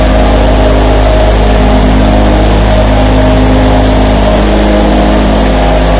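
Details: Recording of 24 nebulizer compressors running together, all operating normally: a steady, even motor hum with a constant airy hiss.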